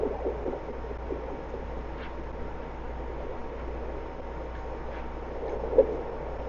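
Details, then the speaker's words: Home fetal Doppler on the belly of a pregnant solid black German Shepherd before labor: steady hiss and low hum with faint, quick, rhythmic pulsing of a fast puppy heartbeat that moves in and out of range. "You hear how fast that heartbeat is? Yeah? Oh, it moved."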